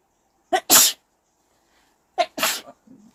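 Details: Two forceful sneezes from a Taiwanese woman, each after a quick sharp intake of breath and followed by a faint sniffle, induced by a nasal swab test: repeated sneezing.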